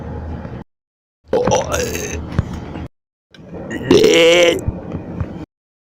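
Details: Two long, loud, gurgling belches separated by brief silences; deliberate burping.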